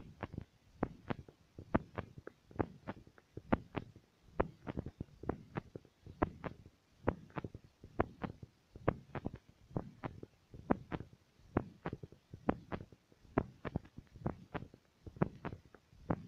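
Steady, regular paired heart sounds, lub-dub, heard through a stethoscope with a low background hum.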